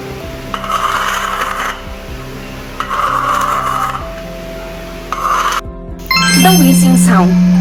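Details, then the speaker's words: Recreated wheeze over steady background music: high-pitched, musical whistling that can occur on breathing in or out and signals narrowed airways, with COPD and asthma named as the commonest causes. "high-pitched whistling noise can happen when you are breathing in or out it's usually a sign that something is making your airways narrow or keeping air from flowing through them"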